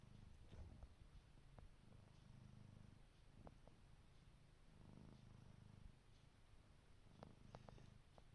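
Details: Snoring from a cat resting on the owner's lap: quiet, low, rhythmic rumbling that resembles purring.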